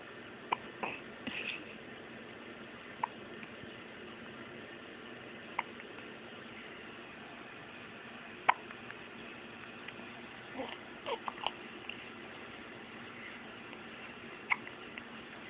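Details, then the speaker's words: Baby girl with hiccups: faint, sharp little hiccup sounds recurring every few seconds, about six in fifteen seconds, over a quiet room hum. "I think our hiccups are the cutest thing in the world."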